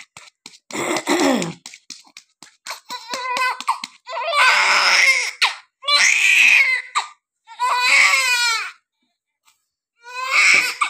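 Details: Newborn girl just after normal delivery: repeated loud, high-pitched cries in bursts with short breaths between, crying and breathing on her own.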